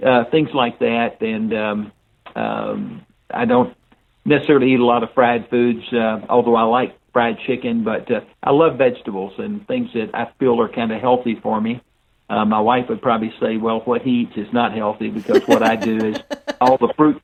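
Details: Older adult man speaking; unaffected speech.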